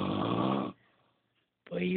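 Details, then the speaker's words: Woman snoring, keeping the person lying right next to her awake: a loud, rough snore on the in-breath, a short quiet pause, then the next snore begins. "this is dinosaurs R snoring a this is why I can't sleep I even right next to her"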